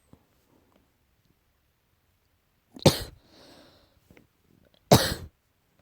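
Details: Cat with suspected allergy: two sharp, harsh coughing bursts a couple of seconds apart, with a faint wheezy breath between them.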